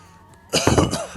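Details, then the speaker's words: A single short, rough, throaty cough from a fatigued adult hours into a long gaming session, who links the coughing to craving a cigarette. "a cigarette, you know, as you can hear from my coughing."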